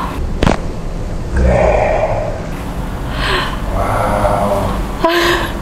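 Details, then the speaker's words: Neck joint cracking (cavitation) during a chiropractic neck adjustment of a mother of three with back problems. "Iya, bunyi krek gitu ya. Bunyinya crispy banget."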